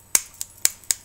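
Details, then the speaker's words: Four sharp, dry clicks within about a second from a snap-type fertility injection pen set at 150, as a 39-year-old woman self-administers IVF injections; injection pen click. "now these do a snap injection I don't know if you'll be able to hear it on the webcam"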